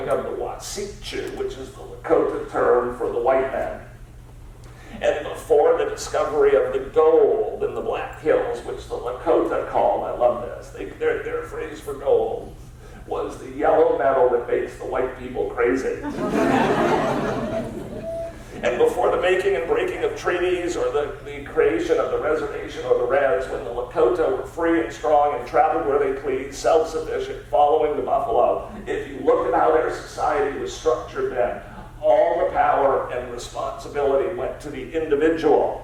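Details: Spasmodic dysphonia, a rare neurological disorder affecting only speech with no known cause, diagnosed at Mass Eye and Ear in an adult man treated with periodic Botox injections.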